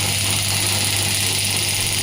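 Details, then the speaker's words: Pneumatic shockwave therapy applicator demo, energy lowered to 4 bar, applied on the hand: a steady loud hissing, buzzing rattle with a low hum as rapid shots fire and are counted until the set number is reached. "the shot is getting count it, and once the selected shot will be over, the device will stop."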